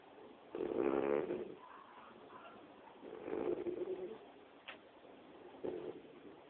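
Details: Female cat of about 16 pounds snoring while asleep on jeans: three soft, buzzing, slightly tonal noises on the breath, about 24 a minute, with faint room noise. Snoring.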